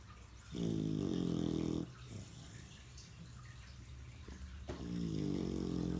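Two long, loud, buzzing breath sounds separated by a quieter pause, typical of snoring.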